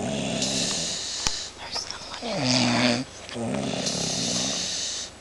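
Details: Whistling, rumbling breath noises with some hiss from a woman asleep on the couch; snoring.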